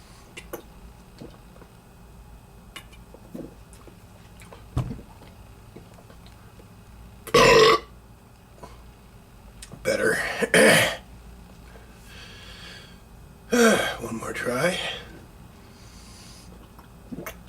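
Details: Burping after drinking Barq's root beer: several loud, rough burps in short bursts, with faint room noise between them.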